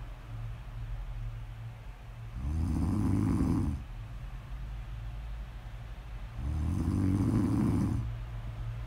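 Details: Deep, buzzing snores on each in-breath, about every four seconds, over a steady low room hum; snoring.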